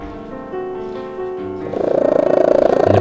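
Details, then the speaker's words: Loud, steady rumbling purr from a cat, starting partway through soft piano music. "Nah itulah tiga alasan kenapa Kucing mendengkur tapi tunggu dulu Tahukah kamu kalau dengkuran kucing dapat bermanfaat bagi manusia"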